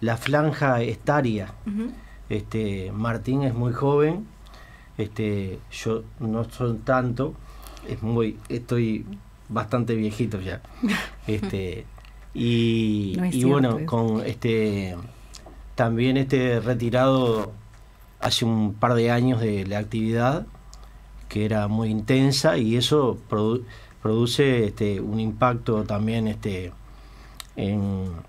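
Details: Aphasia in an older retired man speaking Spanish, in speech therapy for almost 10 years and still working on speech and writing.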